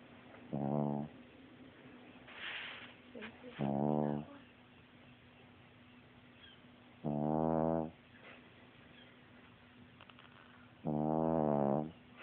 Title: Snoring Pup